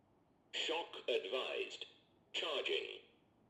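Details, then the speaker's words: Synthesized voice prompts from an AED in a training demonstration with pads on upper chest and below left chest: stay clear, press the orange button, shock delivered, safe to touch the patient, start CPR. "Stay clear press the orange button now. Shock delivered. It is safe to touch the patient. Start CPR"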